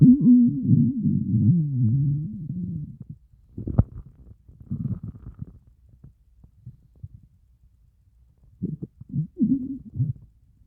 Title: 30+ hour fast stomach growls 🤭 I'm STARVING!!